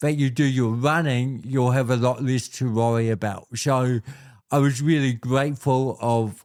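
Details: Adult man born with cerebral palsy, a congenital physical disability affecting how messages travel around his body, with walking and talking named as his biggest challenges; dysarthria (cerebral palsy).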